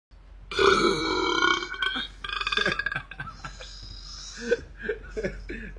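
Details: Male repeatedly burping: a long, loud, voiced belch followed by a run of shorter belches and gulping sounds, with faint background music.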